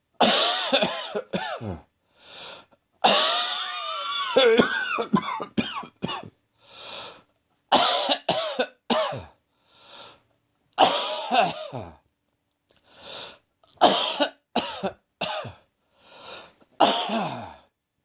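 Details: Heavy acid reflux cough: repeated harsh coughing fits in clusters with audible breaths between; reflux-related cough.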